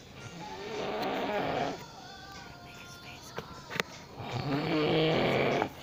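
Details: A father snoring while asleep, recorded quietly by his child.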